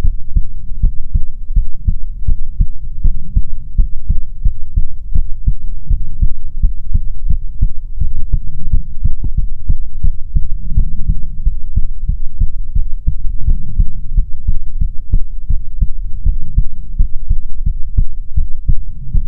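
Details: Soothing ASMR heartbeat recording: steady, muffled double thumps at roughly 80 beats a minute, loud and close; a normal regular heartbeat.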